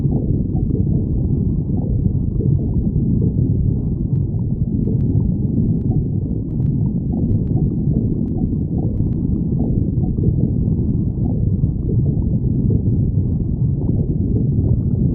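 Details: Stomach growling: continuous deep rumbling and gurgling with small pops (borborygmi).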